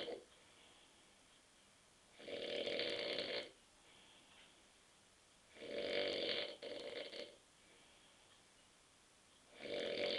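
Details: Loud, rough snores on inhalation about every three to four seconds, one broken in two, with quiet gaps, from an adult husband asleep on a sofa at 9:30 pm after too many beers.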